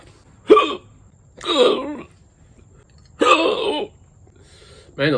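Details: Four abrupt, voiced hiccup gulps at irregular intervals, each a sharp catch of breath in a quiet room: hiccups brought on after eating spicy Carolina Reaper pepper seasoning (capsaicin).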